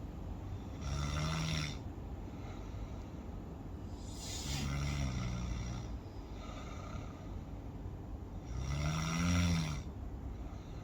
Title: Snoring Sound